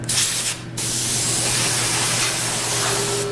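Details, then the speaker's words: Loud steady hiss, with a brief early pause, from a dental air syringe re-drying teeth after power-scaling missed calculus during a COHAT in an anesthetized patient; dental air syringe. "and just go over it and then dry again make sure you got it"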